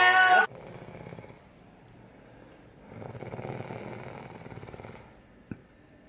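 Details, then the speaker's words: Sleeping adult woman on holiday snoring: after a brief loud sound, a soft rumble, then a longer rough, fluttering snore on an in-breath. "Oh, like a moose. Oh, I'm snoring! What the fuck? I sound like Bella!"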